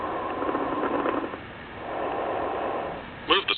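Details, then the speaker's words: Simulated diminished breath sounds heard over the lower lung of a SAM auscultation simulator, with the stethoscope placed on the lower lung. "to illustrate diminished lower lung sounds place the stethoscope on the lower lung"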